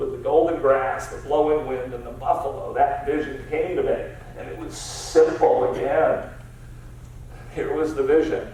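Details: Adult man diagnosed about seven years earlier with spasmodic dysphonia, a rare neurological speech-only disorder of unknown cause, treated with periodic Botox injections, speaking in a real keynote talk; spasmodic dysphonia.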